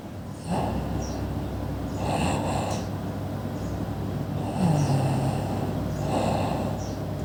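Steady rumbling snores with regular breaths, about every two seconds, roughly 30 a minute, throaty on each inhale.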